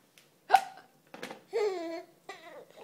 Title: Giggling at moms hiccups!